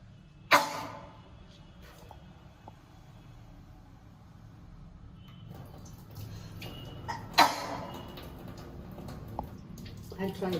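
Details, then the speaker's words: Girl doing sutra neti nasal cleansing, a practice where sneezing and coughing are expected: two abrupt explosive bursts about seven seconds apart over quiet room noise; sneezes. "You may sneeze, you may cough during the practice, that's okay."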